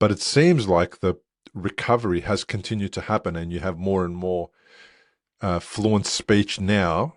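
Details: Adult male speaker; normal speech.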